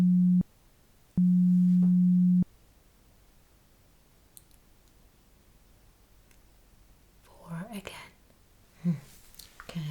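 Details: Simulated pure-tone hearing test beeps in an ASMR ear-exam roleplay: steady low tones, one short then one longer, then faint whispering, while the listener counts the beeps.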